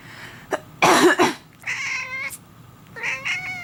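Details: Human coughing, after which the pet cat meows; the cat meows whenever the owner coughs or sneezes.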